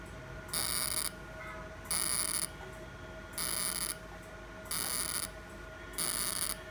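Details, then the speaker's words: Fractional CO2 laser firing on an accidental scar on a male patient's hand, after topical anesthesia and mesotherapy: five loud, even half-second hissing, buzzing bursts over a steady hum. "now I'm going to do co2 laser and all the star area"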